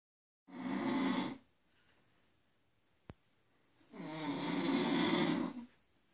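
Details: Snoring from an adult woman asleep: two long, rough snoring breaths on inhalation, separated by quiet pauses; ordinary snoring.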